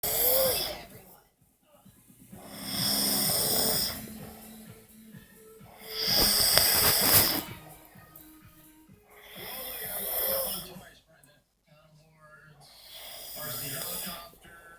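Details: Adult man asleep after a long drive: loud, harsh snores about every four seconds, roughly 15 breaths a minute, with a whistling edge on some breaths; snoring.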